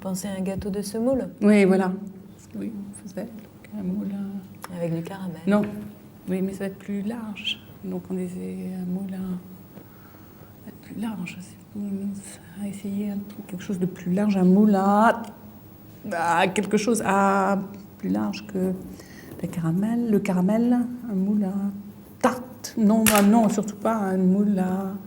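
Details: Woman with aphasia from a brain lesion, fluent speech, lacking words, substituting and distorting words, searching actively and critical of her own answers; fluent aphasia with word-finding difficulty.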